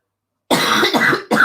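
After a brief silence, three quick, harsh coughs follow one another in a short run, from an adult with flu and a throat tickle.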